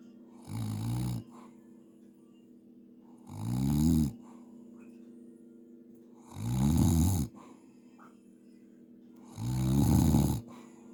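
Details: Adult man (uncle) snoring while asleep at New Year: deep, loud rattling snores about every three seconds, roughly 20 a minute, with steady background hum.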